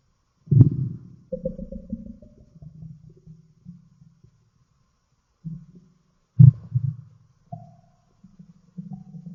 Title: Stomach growl